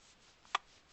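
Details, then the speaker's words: A single sharp, brief click in a quiet room from a very tired person with the hiccups, recorded on a Flip Video camcorder: one hiccup. "has the hiccups. And she's tired. She's really tired."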